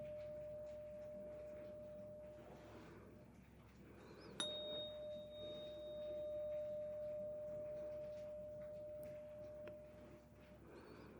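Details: Struck 512 Hz tuning fork rings with a steady, clear pure tone that slowly fades, during a simulated ASMR roleplay cranial nerve 8 hearing test.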